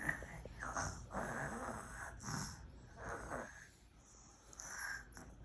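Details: A child imitates an adult's snoring while pretending to sleep, making rough, noisy snore-like breaths in a few bursts.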